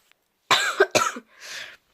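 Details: Person still very ill, coughing during a vlog: two harsh cough bursts close together, then a breathy exhale.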